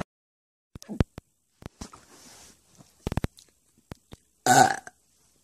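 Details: A friend's single loud, ordinary burp near the end, after scattered clicks and quiet sounds.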